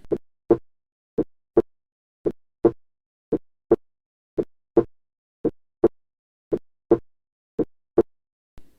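Regular paired lub-dub beats at about 56 a minute, with clean silent gaps between them and no extra sounds or murmurs. These are normal heart sounds: the first and second heart sounds from closure of the heart valves.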